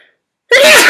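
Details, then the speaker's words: Acted sneeze: a single loud, sudden burst of breath after a brief silence, by a female performer playing a CEO at a company meeting who says the flowers are aggravating her, then apologizes that she can't stop sneezing. "gosh. I'm so sorry everyone. I just I can't seem to stop. I'm so sorry, everyone."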